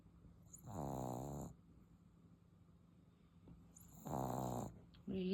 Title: His snoring loud #puppy #englishbulldog